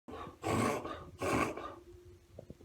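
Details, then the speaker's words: Dog making two loud, harsh snorting inhalations in quick succession, in an episode lasting about 10 seconds; dog described as fine: reverse sneeze. "ever see your dog do that that's a reverse sneeze a lot of dogs do that when they get excited he's fine it's a reverse sneeze"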